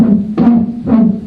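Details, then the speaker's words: Dog with degenerative valve disease: a loud, humming, almost musical tone swells with each heartbeat, loud enough for owners to hear sitting nearby; musical heart murmur, which does not correlate with disease severity. "them so that's called a musical murmur not really a high pitches they're usually really loud and these are the ones that owners often are sitting next to the dog and you can hear it"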